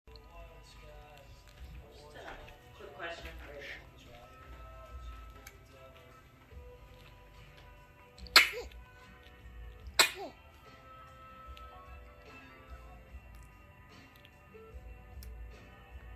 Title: keeping it sneezey